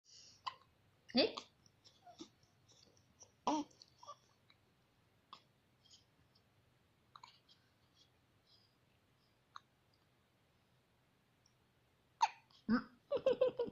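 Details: Newborn hiccups: a few sharp, sudden hiccup sounds with soft clicks and small noises between them.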